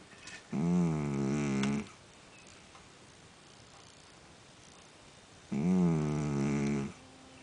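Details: Two sleeping rescued cats, a tuxedo cat and a second cat snoring at a higher pitch in the background, make two rumbling, buzzy snores about five seconds apart, each over a second long; snoring.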